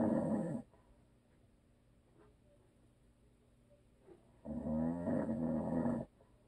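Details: Husband who always snores, recorded for ASMR with no video: two loud, rattling snores with a quiet pause between; harsh vibrating snoring during sleep.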